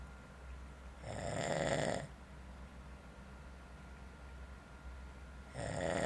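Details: Snoring during sleep: two rough, rattling snores a few seconds apart over a steady low room hum.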